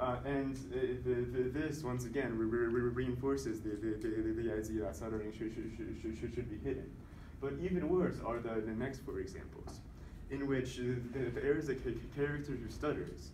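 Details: Voluntary (fake) stuttering deliberately produced throughout a stuttering presentation by a male speaker who stutters, counting his fake stutters with a tally counter to assess his progress.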